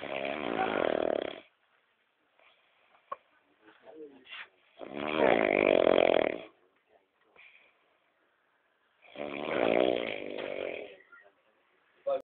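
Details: Loud, rattling, heavy snores on breathing in, about 4 seconds apart, with quiet breathing between, from a sleeping brother: snoring.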